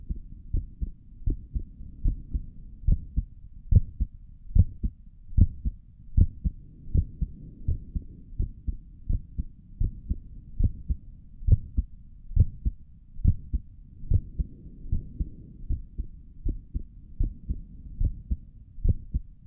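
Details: A person's own resting heartbeat recorded through a stethoscope on the chest for relaxation: steady, soft thumping at about 72 beats a minute in a quiet room, with stomach gurgles elsewhere in the recording; normal heart sounds.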